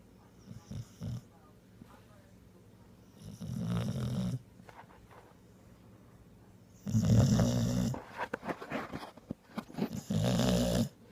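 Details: Pitbull puppy with low, irregular rattling snores during sleep, quiet breaths between; snores only when a hand rests on his neck without pressure, stopping when removed.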